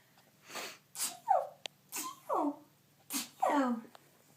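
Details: A female friend's genuine, unplanned sneezing bout: three sneezes in quick succession, each a sharp intake then an explosive burst, with laughter around; sneezing.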